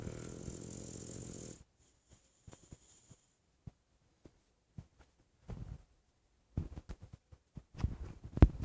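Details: Sleeping dog snoring: low, rumbling snorts and snuffles in a quiet room.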